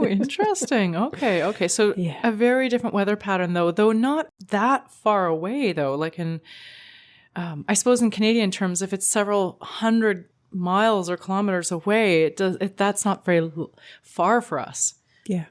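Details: Adult woman speaking; normal voice.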